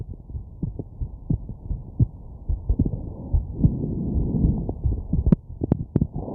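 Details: Heartbeat recorded while sick, lying down at night with a stuffed nose and hiccups: a low, soft thumping at about 85 a minute with an uneven feel, and a few sharper jolts near the end, likely hiccups.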